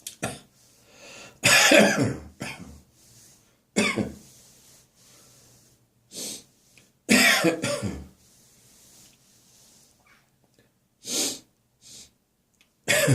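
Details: Several harsh, chesty coughs and throat clearing separated by breaths: a loose, phlegmy catarrhal cough on a summer morning, recurring regularly in the mornings; a productive cough.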